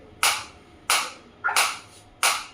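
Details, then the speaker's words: A focused shockwave therapy device applied to the operator's own hand at intensity around 15 while the frequency is raised in steps of 30 toward 120, giving four sharp, evenly spaced snapping shots about one every 0.65 seconds. "120 in the multiple of 30 it will increase you can feel the difference you can feel the difference in the sound also and I can feel the difference in my hand also"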